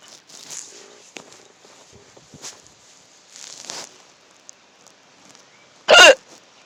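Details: Hiccup in a car: quiet car noise and faint rustling, then one abrupt, loud gulping 'hic'.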